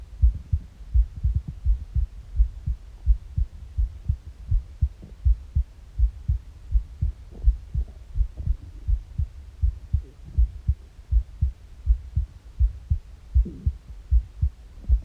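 Steady low thumping heartbeat at about 82 beats a minute, with occasional gurgling bowel noises from an empty stomach in the background.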